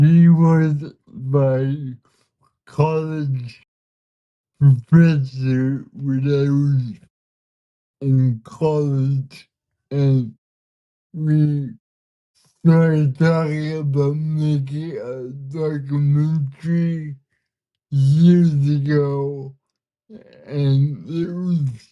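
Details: Man with cerebral palsy whose body resists him, making communication hard at times; listeners need patience to understand him; dysarthria.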